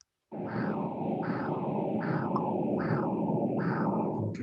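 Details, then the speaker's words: Transcranial Doppler (TCD) embolus-detection recording: whooshing pulsed arterial flow with a brief chirp or blip partway through, a microembolic signal, also called a HIT (high-intensity transient signal). "so I think you heard this blip or yeah, chirp in the middle of the signal and that corresponds to this red dot over here. And this is a microembolic signal. Uh some people also call it a hit, high-intensity transient signal."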